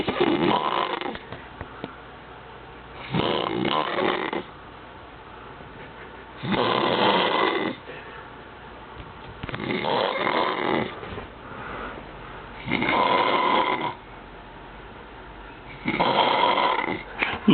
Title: RONCANDO